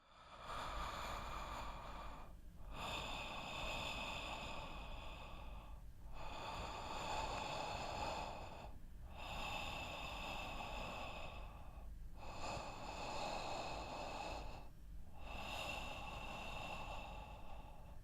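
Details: Simulated animation of snoring with obstructive sleep apnoea: loud, rough snoring in repeated bursts separated by brief silent gaps.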